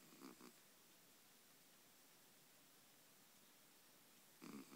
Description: Cat snoring for christmas